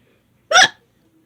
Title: hiccups again. . F. fantastical .(1)